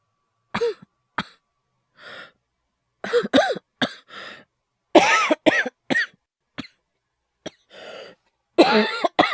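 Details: Acted, simulated coughing by a male voice actor: several short, sharp voiced coughs and throat-clearing bursts separated by pauses and breaths, in a quiet room.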